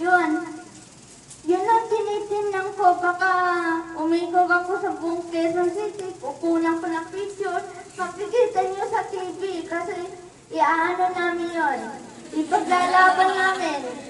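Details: Dysarthria from cerebral palsy in an adult woman.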